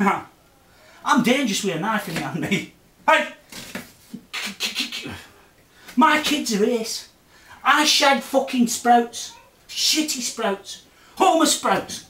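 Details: Adult man with Tourette syndrome, filmed September 2009 in a follow-up; his vocal and motor tics have changed a lot since earlier, vary with mood, and include bizarre and obscene utterances: vocal tics (Tourette syndrome).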